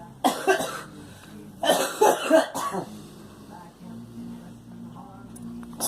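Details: A girl's short wet coughs in two bursts of several coughs each, with humming noise from a car in the background; coughing with a cold.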